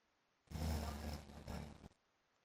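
A single deep, rough, rattling snore lasting about a second and a half, with a buzzy engine-like quality; loud snoring.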